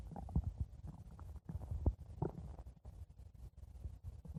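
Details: Stomach growling (borborygmi): low, bubbling gurgles and rumbles that come and go.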